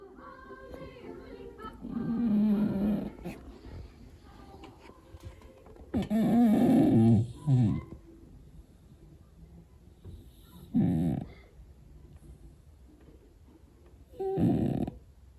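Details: Big fat 9 kg rescue cat snoring with a grinding "gigigi" sound: low rumbling snores in separate bursts, about four in fifteen seconds, with quiet gaps and faint background sound.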